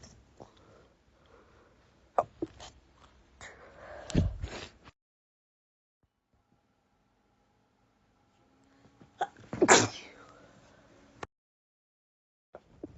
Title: sneeze attack, some stifles